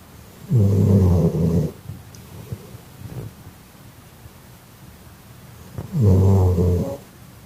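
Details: Sleeping dog snoring loudly: two loud, deep, rumbling snores about five seconds apart, with soft breathing noises between them.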